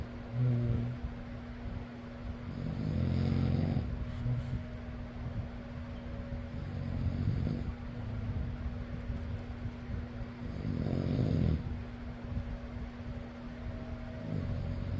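Low, rough snores recurring every four to five seconds, partly masked by a steady fan hum; snoring.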